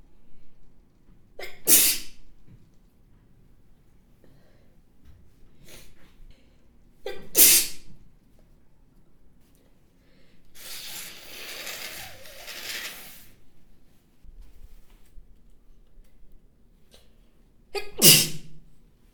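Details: Three sharp, explosive spray sneezes spaced several seconds apart from a model, with quiet breathing and sniffing between; the finding is sneeze.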